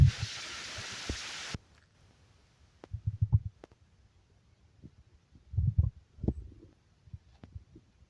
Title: stomach growling